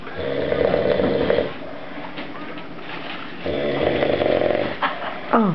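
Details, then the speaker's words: Heavy snoring while sleeping off exhaustion after a night of partying: loud, long, rattling snores on breathing in, two in about five seconds, with room noise. "right there oh my God I think it's getting louder"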